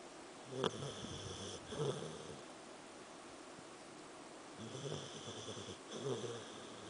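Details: Soft, rough snores on breathing in with quiet pauses between breaths, from a sleeping Samoyed dog; ordinary snoring.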